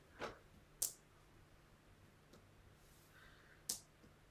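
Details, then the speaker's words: Abdominal assessment: percussion over all four quadrants of the abdomen gives a few sharp taps with a hollow, drum-like ring, a tympanic note throughout, the normal finding over gas-filled bowel. "and then after oscilation I'm going to move to percussion so I'm going to percuss an all four quadrants"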